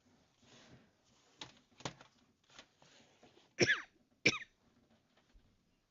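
Two sharp, distant coughs from an adult in another room, with quiet room noise and light handling sounds.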